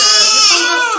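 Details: Loud, high-pitched, wavering cry of a 3-day-old baby girl in a maternity ward, described as very hungry; newborn cry.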